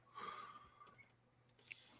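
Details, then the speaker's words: Snoring of a dog heard at a distance: a faint, brief whistling snore against quiet room noise. "can you hear that dog snoring over there if I leave this unmuted little just barely"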